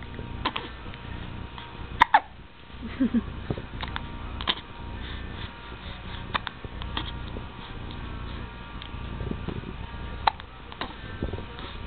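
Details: Newborn hiccups in a baby boy slightly over 2 weeks old: brief sharp hiccup clicks recurring about once a second over steady background noise.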